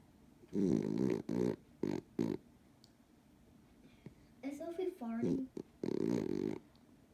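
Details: A dog snoring like an old man: irregular, buzzy snorts and rattling snores in short bursts, with a few whiny vocal sounds in between, in a quiet room.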